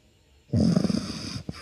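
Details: A sleeping female Shih Tzu puppy gives a single low, rattling snore on an inward breath, followed by a brief snort: ordinary sleep snoring.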